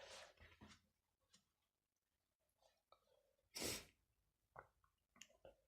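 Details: One loud explosive sneeze after quiet sniffing and breathing, with a few softer sounds afterward, from a person with a stuffy nose; a single ordinary sneeze.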